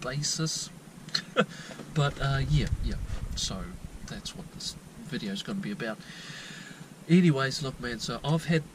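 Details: 22-year-old New Zealand man with untreated stuttering since childhood; repetitions and blocks, usually at word beginnings.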